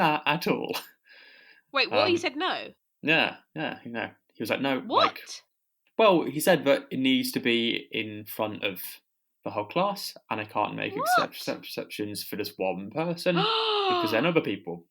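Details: Adult who stammers, stammering.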